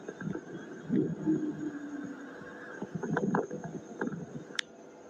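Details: Crackles on lung auscultation, an abnormal breath sound that may be early, mid or late inspiratory or biphasic.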